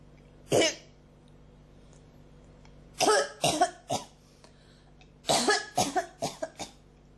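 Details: A single cough, then two bursts of several rough, throaty coughs in quick succession, with the throat strongly affected and something nearly coming up but not; persistent, unproductive cough.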